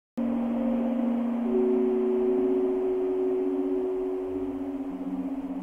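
Soft, sustained chime-like tones overlap and shift at random over a gentle wash of sound: a hearing aid's tinnitus relief sound.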